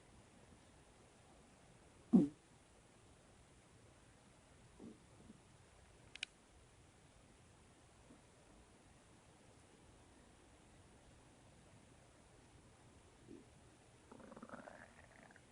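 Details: Person's stomach rumbling (borborygmi): scattered short gurgles and a longer rumbling gurgle near the end, in a quiet room.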